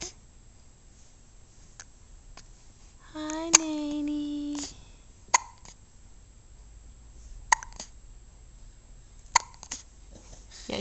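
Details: A baby girl still in diapers has hiccups again after getting dressed and eating breakfast: sharp, brief clicks about every two seconds, with one short voiced sound.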